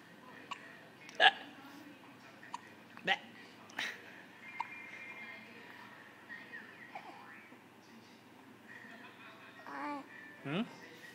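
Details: Baby niece hiccupping: small, abrupt hiccups about 30 a minute while an adult talks softly nearby.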